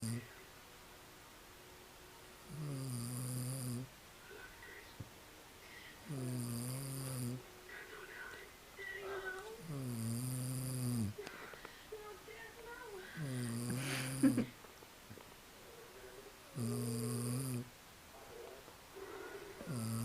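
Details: Loud, buzzing snores at a steady pace of about 18 per minute, with quieter breathing in between.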